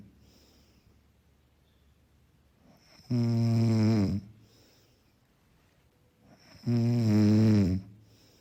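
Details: Soft snoring background track for sleep: two long, steady, buzzing snores on breathing in, about 17 a minute, with quiet breathing out between.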